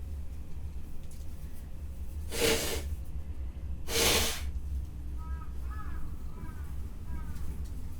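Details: Two short, hissing bursts of air about 1.5 seconds apart, faint chirps afterward, over steady low hum; sneezing.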